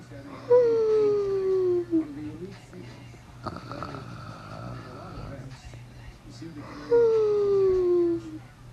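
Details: Animal named Destiny snoring while asleep: two drawn-out, whistling, falling tones on breathing, a high-pitched nasal snore.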